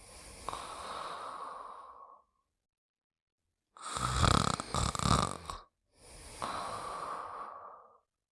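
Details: Simulated cartoon snoring (Pink Panther sleeping): a long whistling out-breath, a loud rattling snort, then another whistle, with silent gaps between; snoring.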